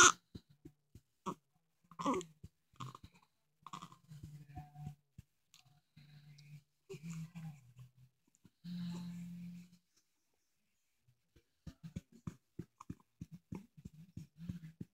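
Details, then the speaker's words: Infant hiccups: brief, sharp, repeated catches of breath at a fairly steady pace, with soft fussy whimpers between them. "someone has to hiccup is that you adriel do you have the hiccups I think you do"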